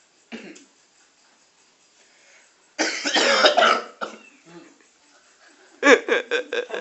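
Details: A few playful, deliberately exaggerated coughs and throat sounds in short bursts, acted for fun rather than from illness; cough.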